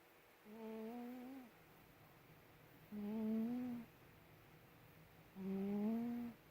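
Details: Pet cat snoring while asleep, then woken by the owner calling her.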